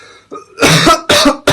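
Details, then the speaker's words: Two forceful coughs with a third starting, after a brief throat sound: acted coughing by a man in a Turkish comedy sketch. "Öksür. Çok kötü öksürüyorsun lan."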